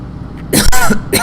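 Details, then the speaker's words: Adult man clears his throat in two quick, rough, voiced bursts over a low background hum; his voice is hoarse from shouting all day the day before. "excuse my voice being a little horse horse I was at Big Bash yesterday and just like basically just like shouting the whole day"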